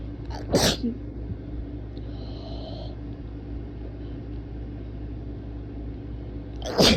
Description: Holy SHIT these were super rapid and powerful, I guess that’s what I get for not taking my allergy pills-